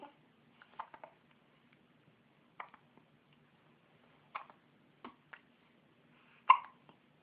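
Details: Someone with hiccups makes short, sharp, abrupt gulping sounds at irregular intervals in a quiet room, about eight in seven seconds.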